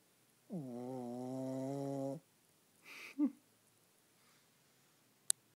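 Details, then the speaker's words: Sleeping pug: one drawn-out, buzzing snore on the in-breath, then a short breath out and a snort; loud snoring from a flat-faced dog. "Ziggy. Wake up, buddy. You're snoring so loud."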